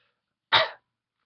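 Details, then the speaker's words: A single short, harsh cough or throat-clearing burst in a quiet moment, from a person who has been coughing heavily for several days. "all of this has me Oh coughing my ass off and none of the foot is usable because whenever i cough my hand shakes so much that it causes camera to lose focus"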